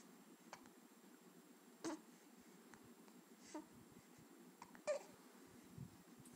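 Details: Infant with bad hiccups while fussing: a few soft, abrupt hiccup-like catches about three seconds apart, mixed with faint fussing, in a quiet room; infant hiccups.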